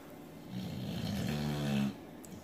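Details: Boxer dog snoring in sleep: a single low, rumbling, vibrating breath.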